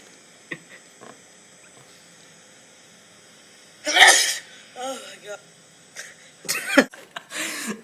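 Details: Accidental sneeze: one loud, sudden sneeze burst, followed by brief vocal sounds and exclamations in a small room.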